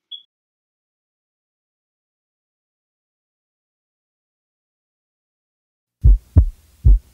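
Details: Normal heart sounds heard at chest auscultation points: after silence, a brief run of low lub-dub beats, S1 from mitral and tricuspid valve closure and S2 from aortic and pulmonary valve closure; normal S1 and S2.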